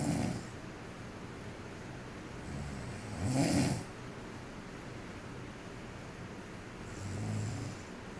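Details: Low, rumbling snores recur every few seconds against quiet room noise during sleep, caught on camera: snoring.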